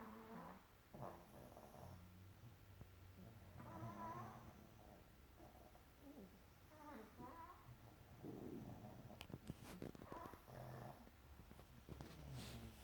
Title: pug and Chihuahua snoring